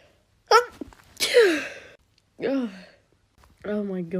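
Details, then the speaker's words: Girl doing a COVID-19 nasal swab test: sharp reflex sneeze triggered by the swab, then moaning and vocal sounds. "I'm jealous of your sneeze because every time I sneeze, I have to like."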